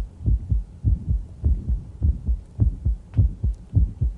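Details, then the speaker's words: Mid-systolic click of mitral valve prolapse in a female patient during squat-stand maneuver: paired heart sounds ~100/min; squatting increases ventricular volume so the click softens and moves later, standing shrinks volume so it slides toward S1 with a brief mid-systolic murmur. "when you squat down you're going to return venous blood to the heart and the hearts volume increases the click gets lighter when you stand up you leave about 600 cc's of blood in your feet so ventricular volume shrinks"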